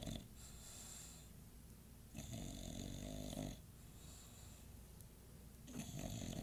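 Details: English Bulldog sleeping at 2:50 a.m.: rough, rumbling snoring noises with breath cycles; snoring.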